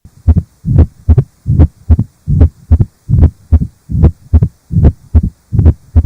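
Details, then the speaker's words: Mitral stenosis auscultated at the left lower sternal border: regular heart sounds near 74 a minute with a low rumbling diastolic murmur. "but for completeness sake let's just listen to this diastolic murmur at the left lower sternal border mitral stenosis"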